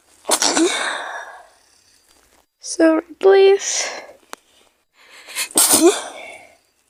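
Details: Girl acting out sneezing from a cold with fever: three loud sneezes with voiced gasps and brief sounds between them.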